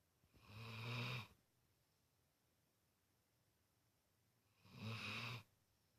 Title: Guinness snoring